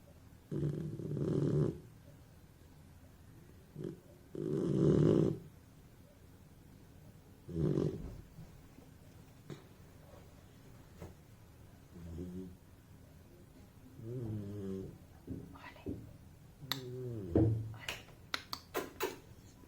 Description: Ollie snores so loud...All my boys are noisy !